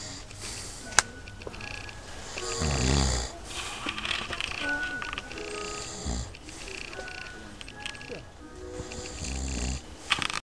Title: Snoring in the tent up camping